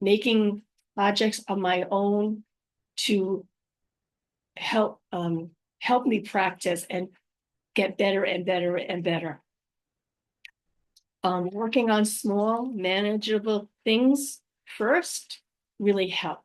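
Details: Adult woman with aphasia after a stroke, also living with apraxia of speech and dysarthria, recorded unedited on a good day, usually in the morning before fatigue; aphasia.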